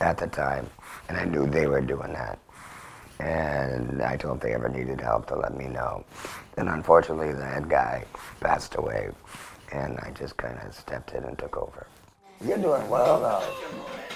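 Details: Adult man after total laryngectomy with vocal cords removed for laryngeal cancer, formerly an electrolarynx user, now speaking via a finger-occluded tracheoesophageal puncture; tracheoesophageal speech.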